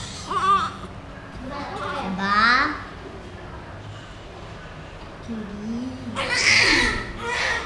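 Rising and falling wails with short pauses between cries, some room noise; ordinary newborn crying.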